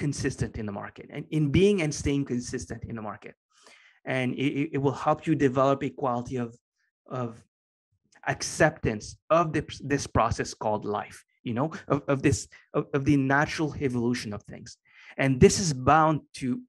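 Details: Adult man with a lifelong stutter he has had as long as he can remember; after many years of meditation practice he has more control over it and says it is now barely audible; stuttering.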